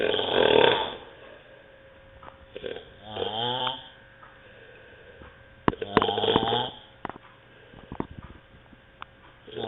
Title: Terrible snoring